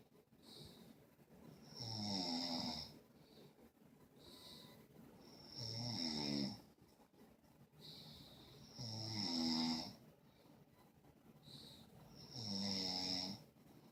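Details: Regular rattling snores on each in-breath with hissing out-breaths, about 17 breaths a minute: steady snoring during sleep.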